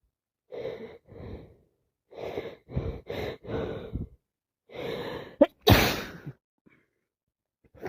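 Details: Worsening cold: runs of short breathy bursts and snuffles, then one loud explosive sneeze; non-stop sneezing with nose blowing and coughing.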